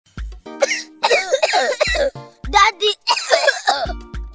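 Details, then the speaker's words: Acted cough-syrup advert: several short, dry, harsh coughs from a child over background music; simulated dry cough. "cough is still disturbing me badly. You are coughing. You are coughing."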